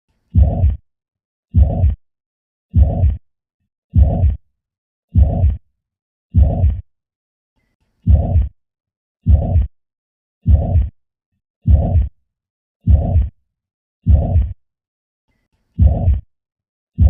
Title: Heart sound || Mitral regurgitation and Tricuspid regurgitation